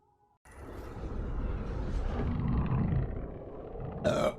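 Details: Female streamer burping: one long, loud, rumbling burp lasting about three seconds, ending with a short vocal sound.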